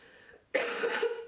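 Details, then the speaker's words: A quiet pause, then a single harsh, abrupt cough from an adult woman with cystic fibrosis and constant coughing for months, who feels short of breath: chronic cough in cystic fibrosis. "also the constant coughing which gets annoying because sometimes people think I'm sick"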